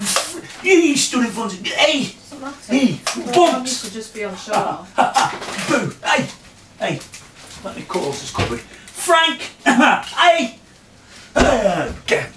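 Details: Vocal tics in a 46-year-old man with Tourette syndrome; a small motor tic developed into full-blown Tourette syndrome after trauma in March 2009, later progressing to loud outbursts of inappropriate language.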